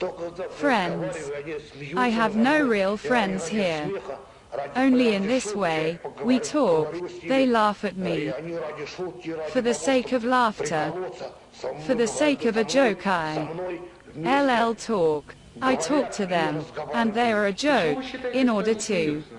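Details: Speech disorder in mild intellectual disability (debility) in a male psychiatric inpatient who complains of weakness and apathy, filmed in 1995; repetitions and fillers.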